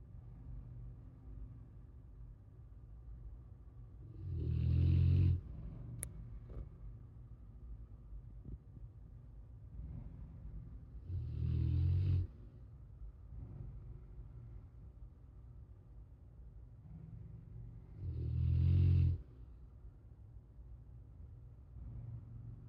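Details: Animal snoring during sleep, recorded 19 August 2023: deep, rumbling snores loudest about every seven seconds over a low steady background.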